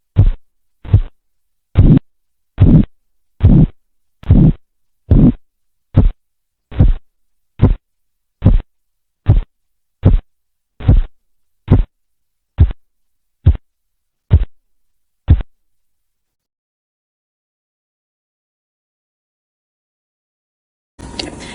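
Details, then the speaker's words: Regular thumping arterial sounds at about 72 a minute that fade and then stop as the arm cuff deflates during stethoscope blood pressure measurement: Korotkoff sounds, phases through disappearance, marking systolic and diastolic pressure. "en la fase cuatro el ruido se va apagando en algunas situaciones con fiebre anemia o embarazo esta fase se va a presentar ausente en la fase cinco desaparece el ruido y esto nos indica la presión arterial y estática"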